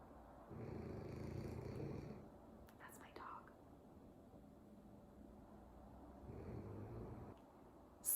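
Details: Two low, rough, rumbling snores several seconds apart against quiet room noise; ordinary snoring heard in the background of a room.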